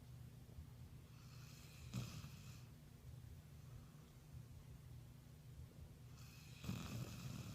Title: Cute Puppy Snoring 💤